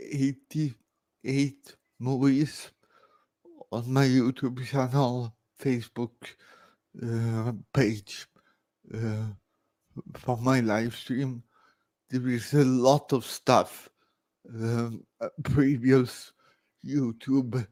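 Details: Dysarthria in an adult man born in 1968 with severe cerebral palsy caused by about 45 minutes without oxygen at birth.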